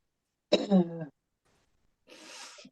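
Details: A single short voiced cough, then a pause and a noisy, breathy in-breath, from an adult asthmatic woman whose cough had been really bad days earlier, with shortness of breath.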